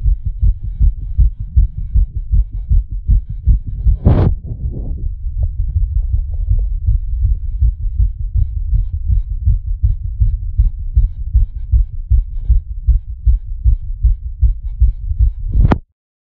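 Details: A person's own recorded heartbeat, set to an animation: a fast, steady, pounding racing heart at roughly 150 to 160 beats a minute (tachycardia).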